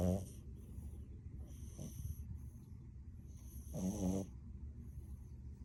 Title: Sweet snoring 😴 #frenchie #frenchbulldog #bluefrenchie #dog #puppy #doglover #cute #funny #snoring